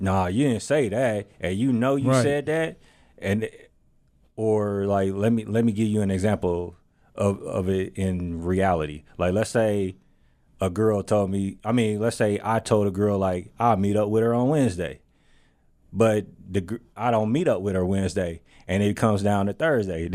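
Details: Adult male speaker; Normal voice.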